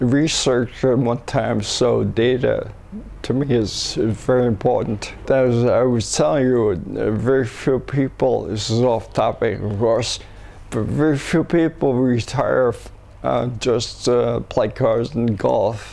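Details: 67-year-old man diagnosed with cerebellar ataxia, later rediagnosed as multiple system atrophy; speech declining subtly over the past year, markedly worse in last three months, hard to understand, near-impossible when fatigued at night; ataxic dysarthria.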